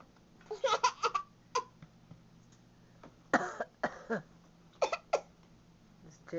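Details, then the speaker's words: 23-month-old boy being silly, copying coughing with short, playful pretend cough noises in brief bursts, not a real cough. Imitated cough. "it 23 months he's going to be a cough cough noise expert uhoh he's being silly okay you little coughing King"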